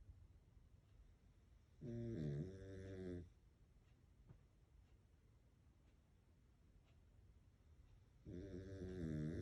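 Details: Sleeping male Pekingese: two loud, buzzing snores several seconds apart with quiet breathing between; heavy snoring in a flat-faced dog.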